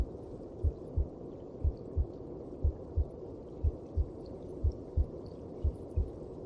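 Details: Heartbeat heard inside the mother's belly (womb): soft, regular paired thumps, about 60 beats a minute, under a steady low whooshing rumble.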